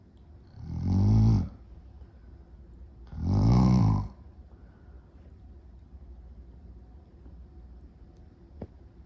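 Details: Loud, rattling snores about two seconds apart, then several seconds of quiet, during a short nap; the snorer says they were more tired that day and snored louder; possible sleep apnea; snoring.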